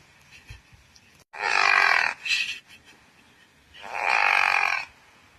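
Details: Pekingese dog snoring.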